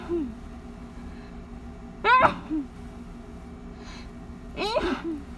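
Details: Two muffled sneezes deliberately stifled into a pillow during an ongoing allergy attack, each a quick voiced intake then a damped burst, plus a faint third one.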